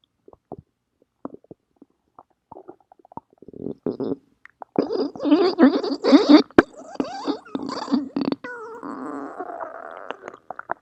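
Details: Umbrella's stomach growling: scattered small gurgles building into a long, loud, squeaky growl with bubbling pops; ordinary bowel sounds (borborygmi).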